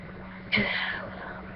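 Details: Person feeling very sneezy and reluctant to sneeze: a single sudden, sharp, hissing sneeze burst trailing off over about half a second, in a quiet room.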